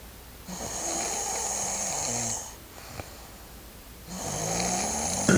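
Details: Woman snoring loudly enough to keep her partner awake: two long, harsh, hissing snores with a quieter breath out between them.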